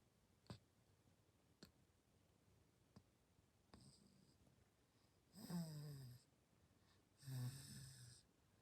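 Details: Six-month-old baby (day 194) sleeping; soft rattling snores on two breaths in a quiet room with faint clicks between: ordinary light infant snoring.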